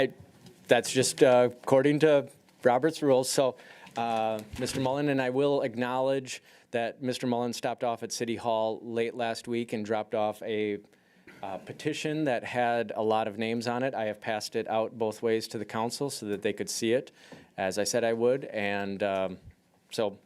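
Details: Adult man; typical speech.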